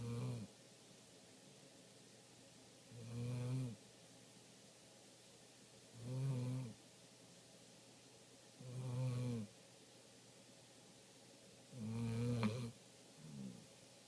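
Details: Sleeping golden retriever snoring: regular low, buzzing snores, about 20 a minute, with quiet pauses between them. Owner says the snoring is almost as bad as a family member's.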